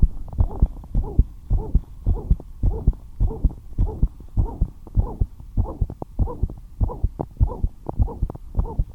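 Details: Fast, regular heartbeat at about 105 a minute with a whooshing rush filling each beat: heart murmur; the heart rate rose despite the patient staying at rest.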